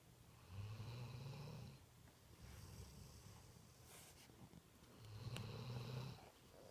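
Two low, rumbling snores about four and a half seconds apart, with softer breathing in between; a sleeping dog snoring.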